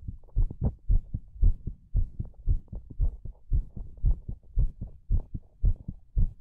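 Steady, regular low heartbeat thumps at about 110 a minute, two sounds per beat, with no added noises.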